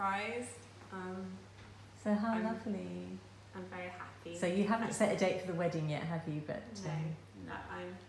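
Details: Adult woman speaking; no disorder.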